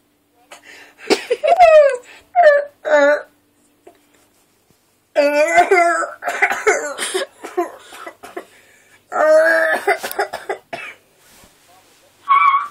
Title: Holding in a cough...